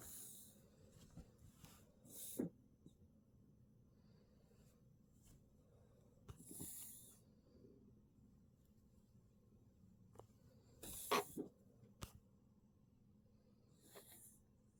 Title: coughing